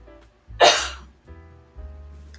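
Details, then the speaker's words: Adult coughing only a little but harshly, not feeling great, out of cough medicine: single loud, harsh half-second cough burst amid faint music and room noise. "What I was going to say is that I am barely coughing, but when I'm coughing, I sound like I'm hacking up a lung."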